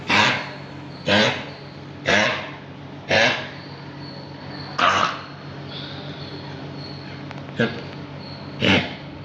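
A dog gives a run of about seven harsh, forceful coughs, fitting the honking cough of kennel cough.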